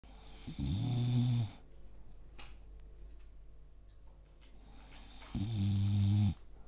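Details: Old English bulldog sleeping: two loud, deep, rattling snores about five seconds apart, with quiet breathing between; heavy snoring.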